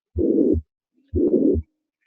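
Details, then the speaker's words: Simulated tricuspid regurgitation on a Harvey cardiopulmonary simulator, about 60/min: a blowing murmur filling systole that gets louder with inspiration, showing inspiratory augmentation and a right-sided origin. "so it's a systolic murmur and if you watch the breathing again again it gets louder out it gets softer and louder so inspiratory augmentation this is tricuspid regurgitation that inspiratory change a sign that this is right-sided in origin"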